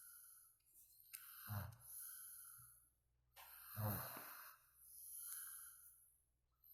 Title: ngorok